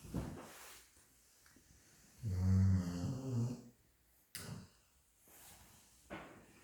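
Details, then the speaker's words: Female dog asleep and said to be dreaming; a loud, low, rattling snore with softer snuffling breaths around it in a quiet room; snoring. "Who said the dogs don't snore? She snores louder than my husband."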